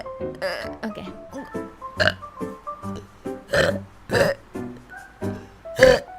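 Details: VTuber livestream: several loud, low, drawn-out belches amid speech and background music after the streamer says they are stuffed (kekenyangan); burping.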